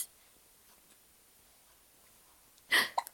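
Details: Quiet room, then one abrupt, sharp hiccup near the end with a small follow-up sound, from a baby during peekaboo play; infant hiccups.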